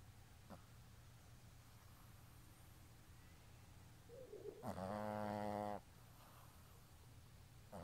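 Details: Sleeping Boston terrier snoring: one loud, buzzy, tonal snore against quiet room noise, with fainter breaths around it.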